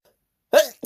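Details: During a partner's attempt to make them sneeze, a single short, sharp voiced catch after silence, like a hiccup, amid "huh" build-up breaths.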